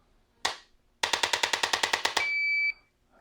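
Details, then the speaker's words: Chiropractic adjusting instrument with stylus used on either side of the cervical spine, for a patient who dislikes neck popping: a sharp snap, then a rapid train of about ten clicks ending in a short high beep. "being an adjustment tool and this one has a little stylus on it that we can get on either side of the spine so that's what i'm going to use to adjust your cervicals with"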